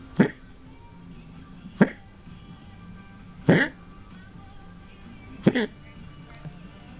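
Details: Four short, harsh, honking coughs a couple of seconds apart from a female dog over quiet background music; owner calls it a weird cough and suspects she has a sickness.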